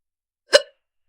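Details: Young woman with hiccups that have lasted through a shopping trip: a single sharp, brief hiccup, a sudden catch of breath with an abrupt voiced stop, against a quiet background.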